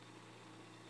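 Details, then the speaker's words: Invacare Perfecto stationary oxygen concentrator running, described as a tad louder than the Respironics EverFlo Q: steady low mechanical hum with an airy whoosh. "okay this is the Perfecto I think it's just a tad bit louder but Invacare uh pretty much has owned the market in concentrators for quite a long time time"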